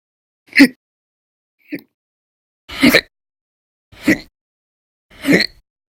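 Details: Five abrupt, loud, voiced gulping bursts separated by silence, about 26 a minute and somewhat irregular; violent, very loud persistent hiccups, one of repeated episodes lasting hours at a time in November 2019.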